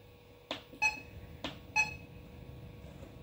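Two pairs of short electronic beeps from a high-flow oxygen machine as its control dial is pressed to change settings.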